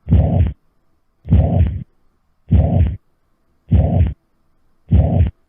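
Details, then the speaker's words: Veterinary seminar on cardiac disease in ageing dogs and cats: a typical heart valve regurgitation murmur, with regular long whooshing turbulent sounds with each heartbeat at about 50 per minute, contrasted with normal heart sounds. "근데 이제 말씀드린 대로 만약에 이렇게 앞으로 갔다 와서 이쪽으로 나가야 되는데 여기 밸브가 이상이 들어서 얘가 이쪽으로만 한게이 뒤로 가게 되는 벌어지면 어떤 소리가 나냐 하면요"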